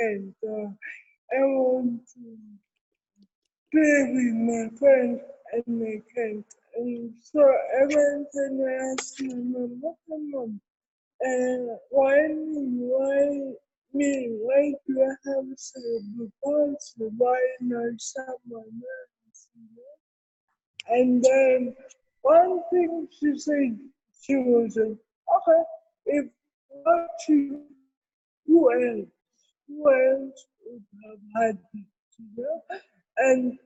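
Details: Adult woman with cerebral palsy present since birth, speaking in an interview; dysarthria in cerebral palsy.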